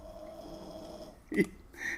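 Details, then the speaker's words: The snoring comes from a sleeping animal the speaker tried to stop snoring, likely a dog: a steady, low room hum, then a short, loud snorting burst and a second, rougher breath sound. "I was trying to get Hunter to stop snoring over here he's looking right at me so you're going to hear the Ambiance of snoring"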